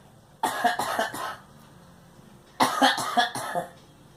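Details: Two bursts of three or four quick coughs from a girl; repeated cough.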